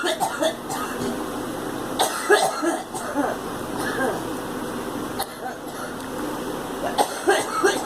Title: Girl coughing